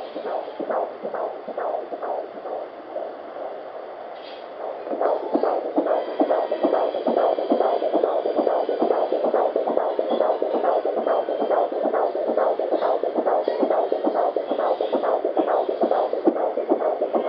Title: 18 weeks fetal heartbeat